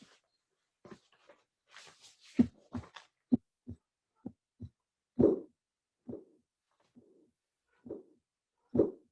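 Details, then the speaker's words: Soft mitral regurgitation murmur heard at the mitral (apex) area: first and second heart sounds with a soft regurgitant murmur between beats and some hissy noise near the start; teaching example. "please put in your brain that murmur because this is a a very good example of soft regurgitant mitral murmur"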